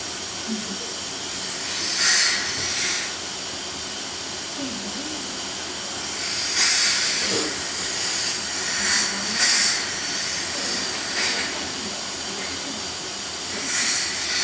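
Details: Intermittent hissing bursts of air-water spray over a steady suction hiss from dental instruments, during a dental cleaning of a 5-year-old girl on a follow-up visit after a cavity filling, with fluoride application planned.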